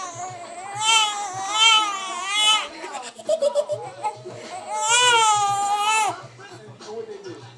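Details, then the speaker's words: Baby girl being burped, crying with loud wailing in two long bursts, with adult voices and patting sounds between them: infant cry. "So here we are, trying to get her to be quiet."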